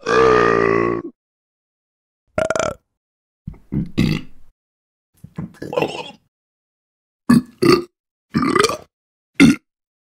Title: Burp Sound Effects / All Burping Sounds / Various Funny Human Burps Sound Effect / Royalty Free